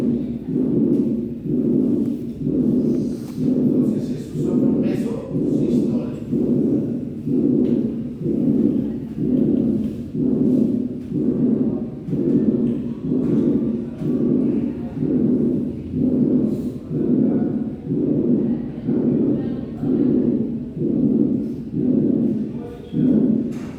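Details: Regular heartbeat about 61 per minute with a harsh crescendo-decrescendo mid-systolic murmur between the heart sounds, of aortic stenosis; the ventricle needs extra pressure to eject blood across the narrowed valve.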